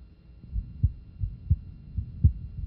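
Crisp paired low thumps at about 85 beats a minute with clean quiet gaps between them and no murmur: normal first and second heart sounds in a child.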